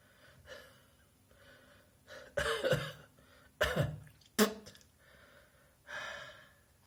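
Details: Acted coughing by a cross-dressed person in a bathroom: three loud, rough coughs with breathy inhalations between, in a small echoing room.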